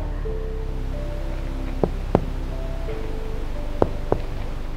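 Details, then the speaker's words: Finger percussion of the chest, starting at the lung apices above the clavicles and comparing left and right intercostal spaces: four hollow taps with soft background music, resonant (sonor) note, normal over air-filled lung. "Ini adalah bunyi sonor. Kita melakukan perkusi secara keseluruhan."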